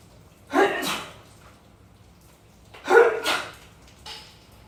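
Two sharp, explosive sneezes, each with a quick in-breath before it, then a softer third sound. Acted sneezes performed for a skit.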